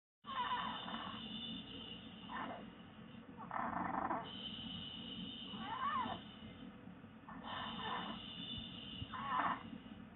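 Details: Snoring during sleep: repeated soft rasping breaths, about 17 a minute, with a faint whistling tone.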